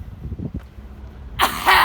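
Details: Repeated coughing from an adult woman shouting and cursing at passersby from her home doorway in Vancouver, recorded during the COVID-19 pandemic.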